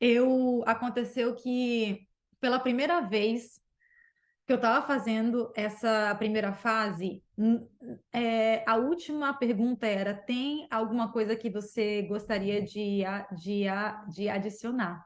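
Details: Adult woman who stutters; stuttering.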